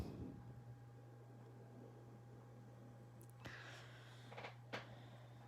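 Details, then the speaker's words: An adult with allergies, worse for the last couple of days after a dramatic weather change, sniffing: a few short, wet sniffs through a congested, stuffy nose over a steady low room hum; nasal congestion. "I have allergies I do have allergies can you hear my stuffy nose it's been bad the last couple days because the weather change so dramatically"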